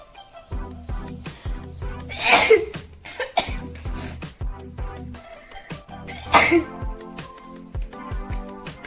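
Two sharp, explosive sneezes over background music; sneezing, likely deliberate.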